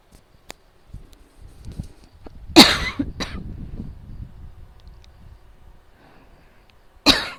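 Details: Adult unable to sleep during a night-time asthma attack: three harsh, explosive coughs with soft rustling between them and a fan audible in the background: cough during asthma attack.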